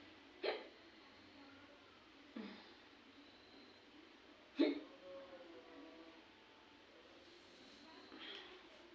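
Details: Adult woman's hiccups with no other sound: four sharp, brief hiccups at irregular intervals over about nine seconds in a quiet room.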